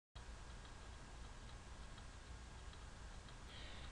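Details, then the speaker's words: Needle EMG complex repetitive discharge in free-running mode, sweep 10 ms/division: a steady, continuous machine-like buzzing with faint regular ticking; amplitude trigger shows the repetitive pattern. "the relatively constant mechanical sound of the CRD can be heard quite easily amplitude trigger can be useful to demonstrate the repetitive pattern of the discharge"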